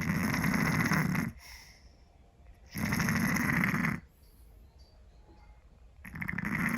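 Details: Heavy snoring from a sleeping Scottish Fold cat: loud, harsh snores about a second long, separated by quiet pauses of a second or two.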